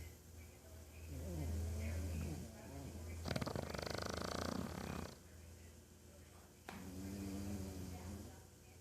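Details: Pekingese dog sleeping upside-down, rolling its body with each snore: low rumbling snores with fluttering, snorting noise and some voicing mixed in; snoring.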